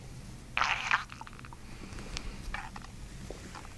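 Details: Bowel sounds during a chiropractic abdominal session while taking gentle diaphragmatic belly breaths: a brief gurgling burst, then a few faint clicks and squelches.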